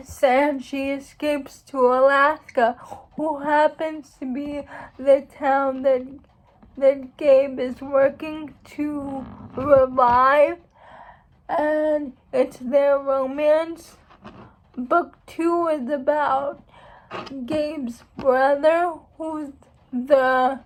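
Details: Speech of a young woman who states she has cerebral palsy; speech in cerebral palsy (dysarthria).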